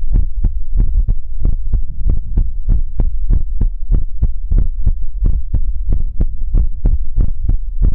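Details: ASMR relaxation livestream heartbeat sound: steady low thumping heartbeat at about 94 beats a minute with a soft hum underneath.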